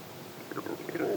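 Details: Stomach growling recorded close up; soft gurgling, bubbling rumbles rising toward the end, ordinary borborygmi.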